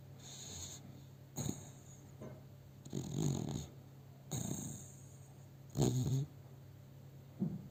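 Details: Pet dog sleeping in owner's arms, recorded on a cell phone: rhythmic low rattling snores, about five over eight seconds, with soft breaths between; ordinary snoring.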